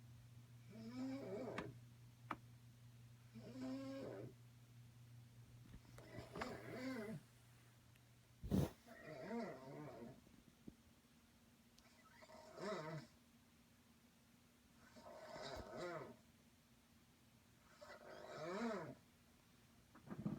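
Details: A sister snoring late at night in a shared room, mistaken for an animal: regular rising, vibrating snores on the in-breath every three seconds, about 20 a minute.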